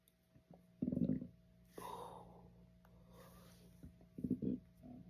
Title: Couldn’t stop burping.